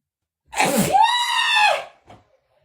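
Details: A single forceful sneeze with a sharp intake, a loud, drawn-out, high-pitched "choo" and a brief after-sound, part of a sneezing fit during a live stream.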